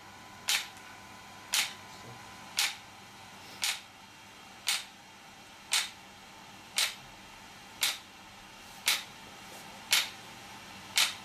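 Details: An extracorporeal shock wave therapy (ESWT) device used for muscle and bone pain relief: sharp, regular snapping pulses at about 57 a minute over a faint steady room hum.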